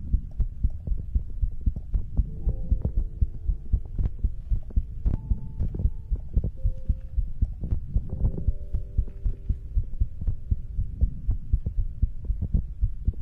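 Steady, regular low thumping heartbeat with a soft sustained tonal hum in the background.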